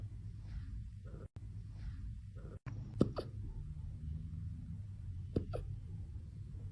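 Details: Tiny puppy having its first hiccups: two or three faint, sharp hiccup-like clicks over steady low background noise; puppy hiccups.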